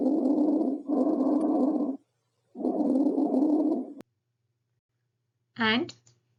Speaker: bronchial bread sounds are heard over the m manubrium just above the clavicles these sounds are loud and high in Pitch with a short pause between inspiration and expiration expiratory sounds loss longer than inspiratory sounds